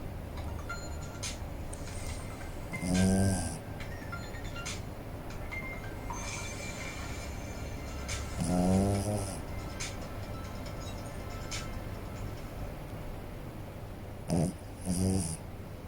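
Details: Puppy King Charles Cavalier spaniel snoring while asleep: slow, buzzing, human-like snores about every five to six seconds, small but loud, over steady background music.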